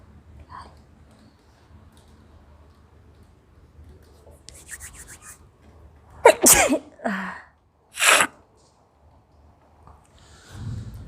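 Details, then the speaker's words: Woman in a sneezing challenge sniffing pungent garam masala: quiet sniffing, then three or four sharp sneezes in quick succession. "तो मुझे 8 चीखें आ गई अभी तक गरम मसाले से। बहुत ज़्यादा तीखा है ये, मतलब मेरे से भी ज़्यादा।"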